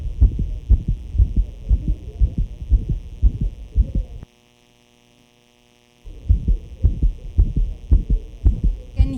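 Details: Companion animal heart murmur graded 4/6 with an extra heart sound. Heard on the right side, where the sound is most intense due to a previously seen defect, with an evident arrhythmia.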